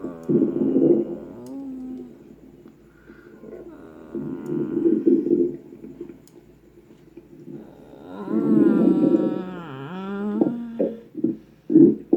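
Long, loud, wavering gurgling and rumbling in several bursts, ending in short pops: stomach growling, a normal digestive sound.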